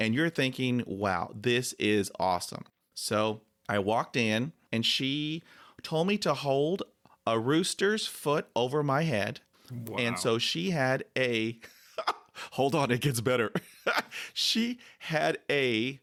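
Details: 40-year-old man with stuttering (stammering) since about age 4 or 5; he still has blocks, though fewer than before the Starfish Project.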